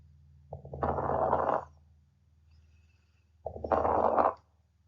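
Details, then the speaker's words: Fine crackles: two breaths with soft, high-pitched, very brief crackles in late inspiration, like hair rubbing together, originating in alveoli; indicate fluid or mucus, e.g. interstitial pneumonia, pulmonary fibrosis, congestive heart failure, COPD. "fine crackles manifest as soft high pitch and very brief sounds it sounds like hair rubbing together it indicates the presence of fluid and mucus in the Airways"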